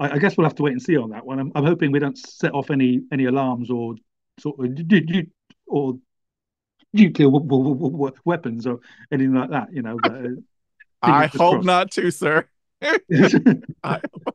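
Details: Podcast conversation about stammering; right afterwards a speaker apologizes for their stammer, suggesting a disfluent moment here, though the speaker's identity is unconfirmed; stuttering.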